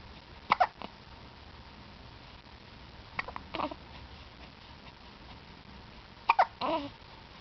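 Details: Two-week-old newborn baby: three sharp, brief hiccups, about twenty a minute, in a quiet room.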